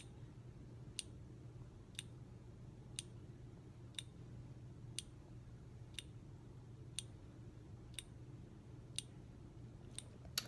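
Faint, sharp ticks about once a second over low room hum: a newly filled insulin pump pod priming itself, a normal device sound.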